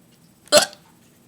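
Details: Painful, persistent hiccups recorded while filming a second take of them; a single sharp, abrupt hiccup with a quick inward catch in a quiet room.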